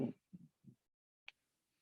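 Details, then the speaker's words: Teaching recording of rhonchi, low-pitched rattling or rumbling like snoring from mucus or obstruction in the bronchi: three brief low rumbling bursts followed by a faint click. "one's described as a low pitched rattling or rumbling kind of like a snoring located in the bronchi not the alveoli here"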